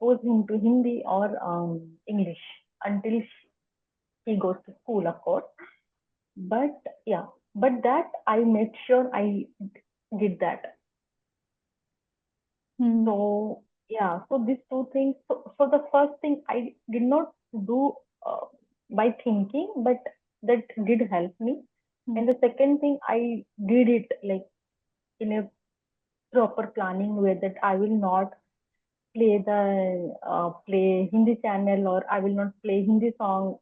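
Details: Adult woman who has stammered as long as she remembers, speaking spontaneously as a podcast guest; stuttering.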